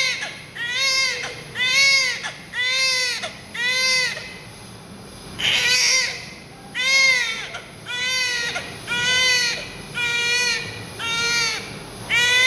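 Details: Newborn with vernix caseosa crying during a bath: strong, rhythmic crying, about one cry a second with short breaths between, clear and well pitched; a vigorous ordinary newborn cry.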